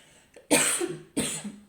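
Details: Adult woman: two short, explosive coughs in a quiet room, each with a brief voiced tail.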